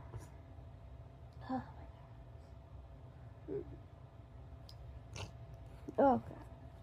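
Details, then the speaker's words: Early morning in bed with runny nose and right-sided nasal congestion; quiet sniffs and small voiced catches ending in one louder sneeze, after which congestion loosened: sneezing. "I need another tissue. I really loosened up some of the congestion."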